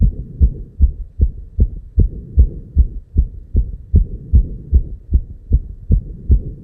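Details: Heartbeat at 290 BPM, a real heart sound: fast, very regular, deep thumps, with each thump possibly a paired beat; a racing heart rate, tachycardia.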